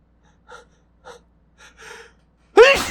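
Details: Gasping before an induced sneeze (the person says it tickles): four quick catching inhalations build up, then an explosive voiced sneeze burst.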